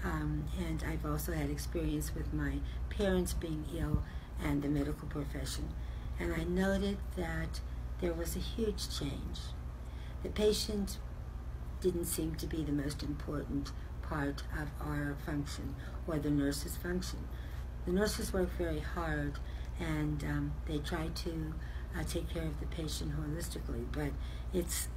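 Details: Adult woman speaking; normal speech.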